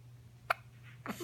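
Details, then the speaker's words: A single short, sharp hiccup from an 11-day-old newborn, with low room hum behind it; ordinary newborn hiccups. "What you know, honey? Do you have hiccups?"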